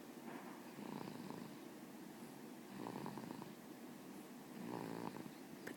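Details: Sleeping baby boy snoring: soft, rattly snores with each breath, about 30 a minute, against quiet room noise.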